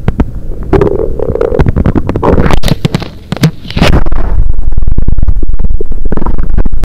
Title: Rumbly in my tummy!!